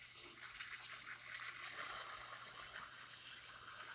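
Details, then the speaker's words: Dental water rinse after phosphoric acid etch of dentin, rinsed 5–10 seconds before air drying: soft hissing spray and gurgle of the water stream on the tooth, with suction noise. "i could do a slurry i'm gonna rinse that five to ten seconds and then i'm gonna air dry"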